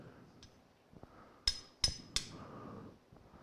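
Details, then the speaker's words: Three sharp metallic taps, about one every third of a second, as an awl is driven into softer bone of the medial femur during arthroscopic knee microfracture, in a knee with wear and tear, osteophyte and synovitis. "and again you can see the fat and bone marrow coming out of the holes when we drill them"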